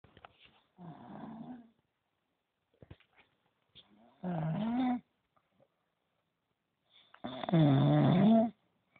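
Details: Dog snoring loudly enough to keep people awake, three drawn-out rough snores separated by quiet pauses; snoring.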